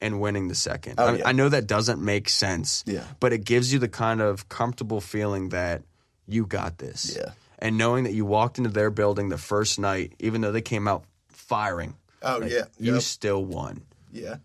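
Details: Adult male speaker, with brief replies from a second voice; normal conversational speech.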